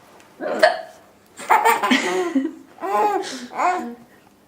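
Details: Adult mother with hiccups, her 4-month-old daughter laughing: about four sharp voiced catches in a few seconds mixed with laughter; hiccups.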